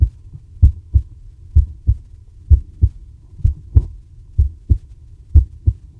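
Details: Deep, regular lub-dub heartbeats at about 64 beats a minute: a normal adult heartbeat, from a recording in Christian Boltanski's heartbeat archive, Les Archives du Cœur, on Teshima, Japan.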